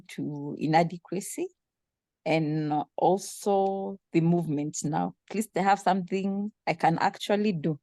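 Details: Adult speaker; no speech disorder.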